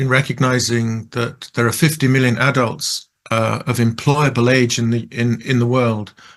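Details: Person who stutters; stuttering.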